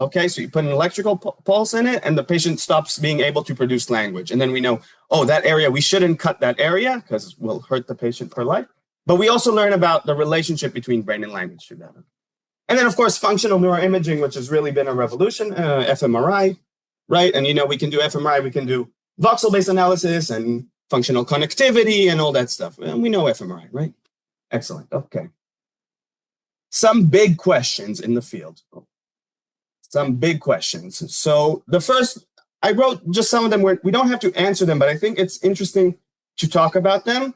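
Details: Adult male lecturer; normal speech.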